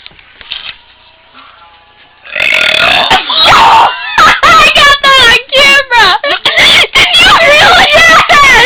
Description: my tardish friends being random, and my AWESOME burp!!(: